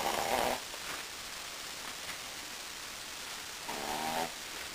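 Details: Wilbur, a Brussels Griffon dog, sleeping in his favorite position: two rough, buzzing snores about three and a half seconds apart, quiet room noise between; snoring.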